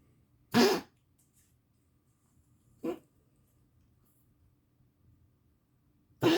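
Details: Three short, harsh coughs from a dog recorded 10/20/22, spaced a few seconds apart over quiet room hum.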